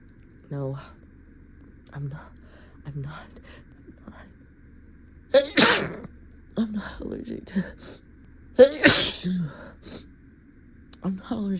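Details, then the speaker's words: Induced, acted sneezes in a comedy skit about denying a cat allergy by someone mildly allergic to cats in real life: two forceful sneezes, each after a sharp in-breath, between short spoken phrases. "I'm not going to sneeze I'm not I'm not going to sneeze oh I didn't I didn't mean to scare him my nose is just tickly for some reason but it's done now"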